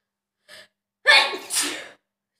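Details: Self-induced sneeze during a 30-times sneezing challenge: quick catch of breath, then one loud, explosive sneeze with a trailing hiss.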